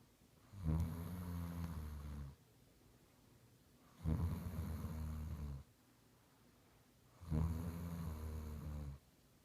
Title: Snoring II